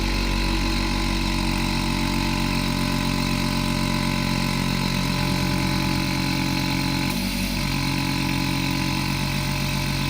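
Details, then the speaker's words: Medika medical vacuum suction unit (small low-power vacuum pump with manometer and suction regulator) tested after a simple repair: loud steady motor hum with rapid pulsing, running under load and pulling strongly; suction unit running. "Залишилось зрозуміти, чи воно працює. О. валить на цілого. Тягне, тягне."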